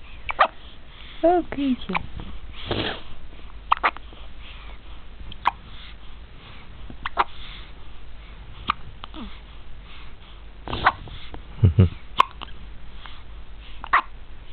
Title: having hiccups